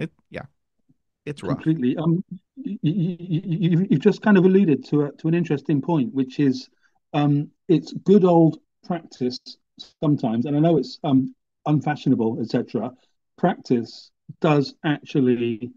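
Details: Adult who stutters, hosting a podcast; stuttering.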